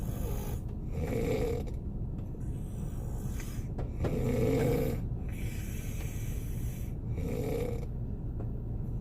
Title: Korean boyfriend snoring sound in the car. Snowfall. 눈 오는 날 차 안에서